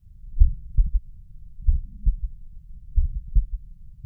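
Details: Third heart sound (S3) heard at the mitral area: a slow heartbeat near 47 a minute, each beat followed by a faint extra low thud after the second sound, giving a galloping triple rhythm.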